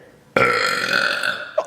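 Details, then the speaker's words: A single loud, long, rumbling burp lasting over a second, during a burp session after chugging soda. "versus right now oh ooh a massive burp chug chug nice"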